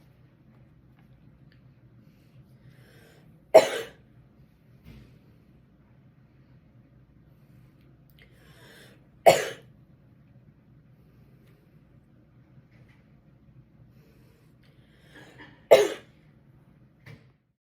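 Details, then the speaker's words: Voluntary cough task: three strong, sharp single coughs, done hard as if something is stuck in the throat, spaced several seconds apart with normal breathing between. "breathe normally then when you are ready push record and cough hard as if something is stuck in your throat"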